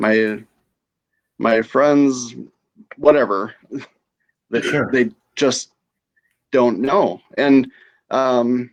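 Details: Adult female stroke survivor with aphasia after her stroke; aphasia after stroke.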